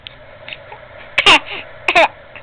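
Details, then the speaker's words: A young child gives two short, deliberate coughs on request: a voluntary, pretend cough, not a cough from illness. "can you do your fake cough enough huh"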